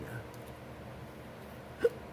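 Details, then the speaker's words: A single short, abrupt hiccup in a quiet room from an adult doing nail art, who jokes about sounding drunk despite not drinking: an ordinary, harmless hiccup. "I sound like a drunk over here hiccuping, and I don't drink."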